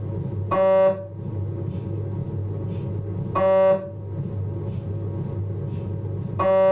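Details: MRI scanner noise from a Philips 1.5T abdominal scan: steady low hum with loud repeating tonal buzzing bursts about every three seconds.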